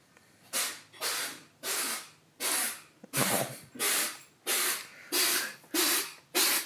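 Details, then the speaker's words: Cat with an ongoing sinus problem having a sneezing fit: rapid run of about nine forceful, hissing nasal blasts, like trying to blow its nose; paroxysmal sneezing / nasal snorting. "apologize for that horrible sound that is a cat having a sneezing fit okay sorry about that sneezing fit isn't exactly right he's uh that's what it sounds like when you try to blow your nose and don't have thumbs"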